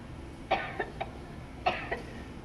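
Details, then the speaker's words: Demonstration cough made on request in a health exhibit tour, illustrating coughing up phlegm when sick. "when you're sick, you actually want to cough that phlegm up and get it out of your system. So there's our coughing."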